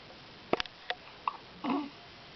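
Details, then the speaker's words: Newborn twin boys hiccuping at the same time: several short, sharp catching sounds a fraction of a second apart, then a soft, brief cry-like noise in a quiet room. "It's just so funny. Little chorus of hiccups."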